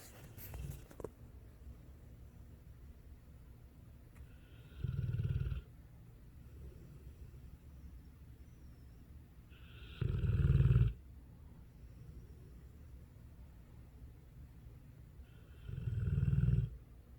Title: Dogue of Bordeaux snoring